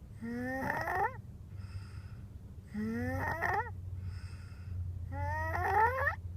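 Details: Snoring; three whistling, rising breath sounds with rough vibration, about 2.5 seconds apart, over a steady low hum.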